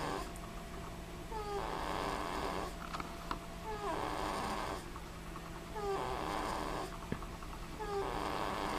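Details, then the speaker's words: Soft, rhythmic snoring breaths about 29 a minute in a quiet room with steady background hum, from a sleeping baby lying beside a dog. "Rusty loves sleeping by. You can hear her sleeping."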